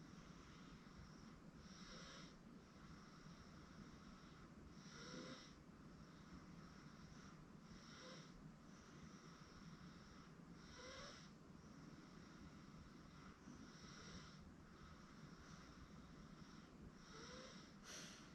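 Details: 8-month-old girl asleep on a futon: soft, regular noisy breaths, about 20 per minute, over steady room hum; light infant snoring.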